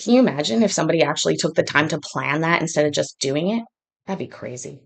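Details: Adult speaker; no speech disorder.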